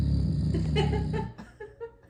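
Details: Loud, low, rattling snore from a sleeping man on an in-breath, then quieter faint sounds fading; recorded to sample into a music track.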